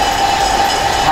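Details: Electric suction machine tested before airway suctioning, with the catheter run through disinfectant then NaCl solution: steady loud mechanical whine with a constant tone.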